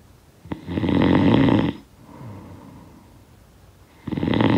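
Loud rattling snores on the in-breath with a quiet breath out between them, from a sound-effect recording.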